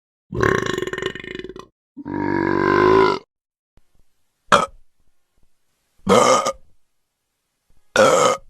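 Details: Five burps in a row, two long rumbling ones followed by three short ones, from a sound-effect set; burping.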